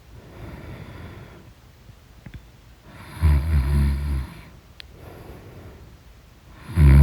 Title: The Snorechestra: Deep Sleep, Loud Sound | Snores